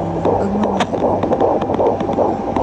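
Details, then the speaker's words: Home fetal Doppler heartbeat, the parents' first time hearing it: rapid, regular galloping whoosh-thumps over Doppler hum, much faster than an adult's; expected rate stated as 150–160 per minute, mother lying down; normal fetal heartbeat. "ito yung first time na maririnig namin yung heartbeat ng baby namin"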